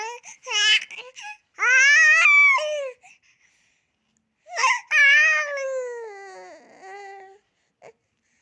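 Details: Crawling baby: two bouts of high-pitched fussing cries and whimpers from an infant, with short pauses between.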